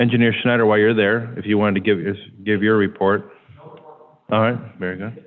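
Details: Adult male speaker; Normal speech.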